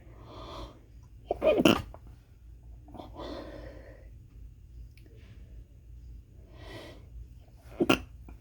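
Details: Quick stifled sneezing fit in an office where the person blames the air and says it has gone on all day: two sharp, suppressed sneeze bursts with soft breathy inhalations between.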